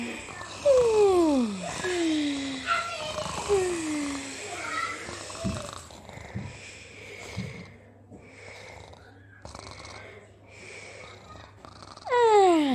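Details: Simulated cartoon snoring in a children's program nap scene: whistling sounds falling in pitch with soft noisy breaths.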